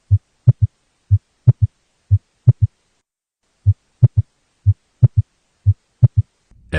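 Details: Third heart sound (S3 gallop).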